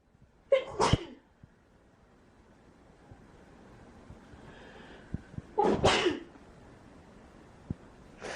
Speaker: I hate spring. Yeah, I have like, it tickles my ears, it tickles my throat. It's allergies, I know, it's not a cold.